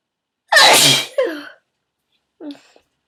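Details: Woman's sneeze induced by tickling the nose with a bobby pin: one loud, forceful sneeze with a sharp explosive burst and trailing release, then a brief soft vocal sound.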